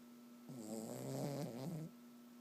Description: I caught my dog snoring while sleeping lol.